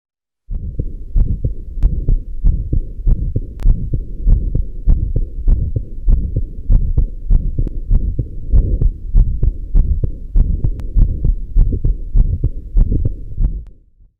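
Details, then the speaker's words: Aortic regurgitation: soft, blowing early diastolic murmur after the second sound, best heard at the left sternal edge with breath held in expiration, regular heartbeat about 98 per minute; no associated mitral stenosis. "it is a early diastolic murmur which is best heard at the left sternal edge"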